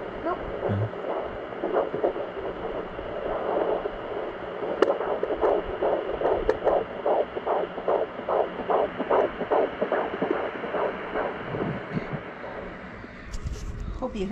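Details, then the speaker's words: Fetal heartbeat at 17 weeks of pregnancy on a home Doppler pressed hard, mother's bladder not full: fast, regular whooshing pulses, around 140-145 beats a minute, faint under static hiss. "when my bladder is full it's a better it sounds better because it actually lifts the uterus out of the pelvis and upward and out"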